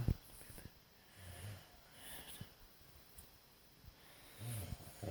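Low, rumbling snore bursts a few seconds apart over quiet room noise; ordinary snoring during sleep.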